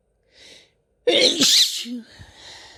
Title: Christmas Chhinkni Sneezes (F)